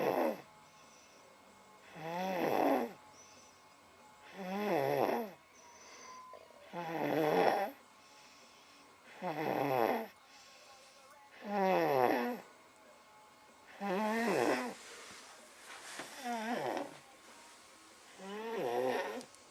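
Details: Cooper snoring after finally falling asleep following a rough day with a sore tummy, recorded in a darkened room: loud, regular rattling, fluttering snores, about 25 breaths a minute, separated by quiet pauses.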